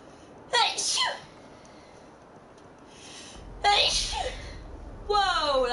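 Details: Adult woman sneezing while live streaming: three sharp sneezes, each a quick intake then an explosive burst, over quiet room noise.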